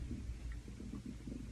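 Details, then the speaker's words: Adult's stomach growling (borborygmi), which the person attributes to medicine taken for surgery: low, rolling gurgles and rumbles in a quiet room. "if you can hear my stomach growling. It's from the medicine I'm taking."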